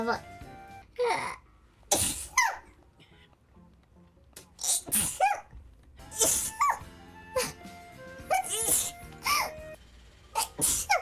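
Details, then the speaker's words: A vtuber who says they have been sneezing a lot today and lately: several sharp, explosive bursts with short voiced sounds between them, over music; repeated sneezes. "I've been sneezing today. Sorry. ハッピーバースデー。なんかめっちゃくしゃみするな最近。"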